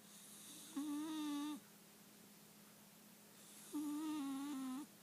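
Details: Sleeping Calico Himalayan cat: two soft, whistling, tonal snores about three seconds apart against a faint room hum; snoring.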